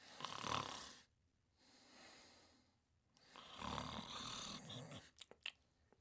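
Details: Two harsh, noisy breath sounds about two seconds apart during sleep, with a short pause between; snoring.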